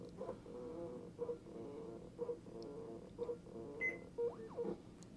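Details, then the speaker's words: Patient monitor tested with a ProSim 8 simulator at a simulated 120/80 mmHg, heart rate 60, SpO2 100%: steady pump hum with soft pulsing about once a second, small valve clicks and a brief beep; automated cuff blood pressure measurement. "and the cuff is making its measurement now for the O2 sat or for the uh nibp reading O2 sat is 100%"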